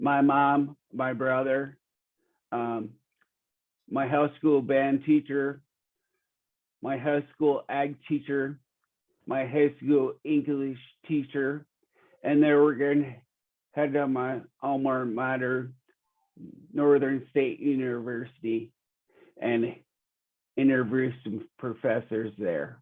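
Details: Real 45-year-old man with rare (under one in a million) primary progressive apraxia of speech; knows the words but they don't come out clearly; speech declining since a previous interview months earlier; primary progressive apraxia of speech.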